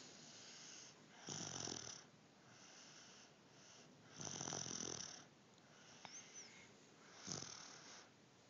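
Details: Infant snoring: rhythmic, rattly, slightly whistling breaths about every three seconds over light room noise.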